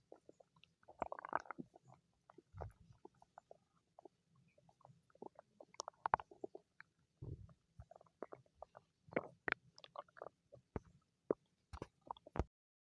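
Quiet irregular gurgles, pops and short rumbles from the belly; ordinary bowel sounds of stomach growling.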